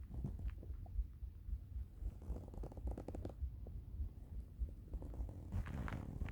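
Low, continuous rumbling and gurgling with irregular surges throughout, typical stomach growling from hunger.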